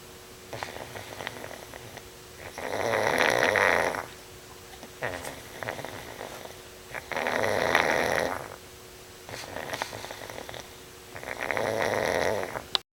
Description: Our Pug, Poopie, loves his beauty sleep.